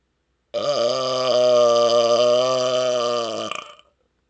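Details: A loud burp from a world-record attempt measured with a decibel meter, with readings of about 113 to 127 dB across the attempts: one long, loud, deep, steady belch lasting about three seconds; burping.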